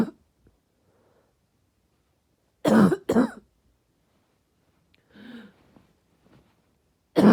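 Loud, harsh coughs with a deep, barking quality, two in quick succession with quieter sounds between.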